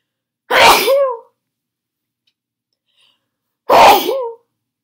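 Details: Person with a cold on their sneeziest day, sneezes induced with Chhinkni, with nose blowing: two loud, forceful explosive sneezes with voiced tails, about three seconds apart, quiet room; sneezing.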